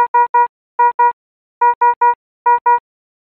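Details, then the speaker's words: Efficia DFM100 monitor/defibrillator high-priority alarm, warning of a life-threatening condition such as asystole or ventricular fibrillation: bright electronic beeps in urgent groups of three and two, repeating; high priority alarm tone. "a high priority alarm warns of a life-threatening condition such as asystole or ventricular fibrillation and requires an immediate response the alarm message displays with a red background and sounds like this or this"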